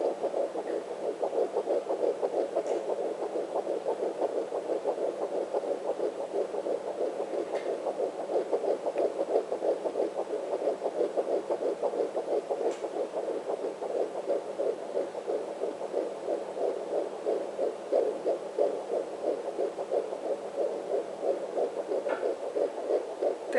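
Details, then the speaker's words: Rapid, steady whooshing fetal heartbeat, usually in the 170s per minute, on a handheld home fetal Doppler placed low on the abdomen, found just after locating the placenta. "we go so usually in the 170s so you can hear it's fast very distinct sound"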